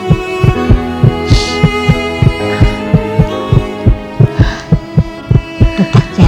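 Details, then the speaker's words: Dramatized fetal heartbeat at about 8 weeks of pregnancy during an ultrasound scene: rapid, regular whooshing thumps at roughly 180 a minute over music, called strong and clear, a sign of a healthy baby. "jantungnya kuat dan jelas. Tandanya bayinya sehat."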